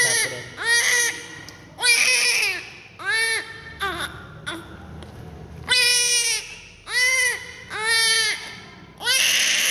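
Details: Loud, clear, repeated bursts of crying with short breaths between, about eight cries, from a newborn during neonatal care and cleaning just after birth: a vigorous, normal newborn cry.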